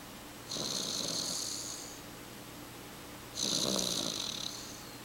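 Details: Two long, raspy, hissing breaths a few seconds apart with a low rumbling flutter underneath; snoring during sleep.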